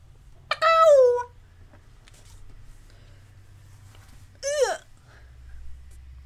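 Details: Woman with Tourette syndrome and echolalia, mimicking sounds from her environment, in genuine outtakes from a voice-over recording session; vocal tics (animal-like noises).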